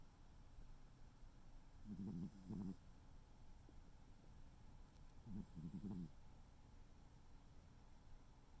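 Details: Soft, low, fluttering snores on breaths in, two in about nine seconds, from Noodle, a sleeping tuxedo cat, over quiet room noise: gentle snoring.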